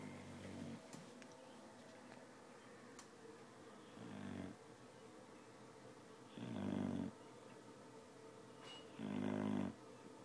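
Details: Dog (Shannon) snoring: loud, deep snorting snores on inhalation, spaced a few seconds apart, roughly 22 a minute; ordinary snoring.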